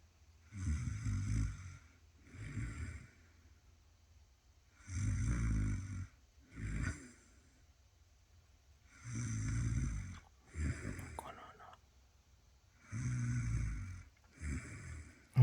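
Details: Loud, rough snores recurring in paired bursts during sleep, about 15 per minute, caught on camera while the sleeper denies snoring.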